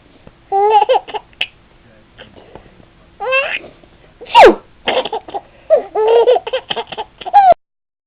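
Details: Adult's sharp sneeze bursts out midway through a baby's babbling and laughter; the baby then giggles, laughing at the sneeze.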